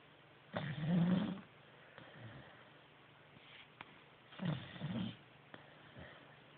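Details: Low, rumbling snorts on inspiration with quieter breaths between from a sleeping 4-month-old Greater Swiss Mountain Dog puppy, still snoring.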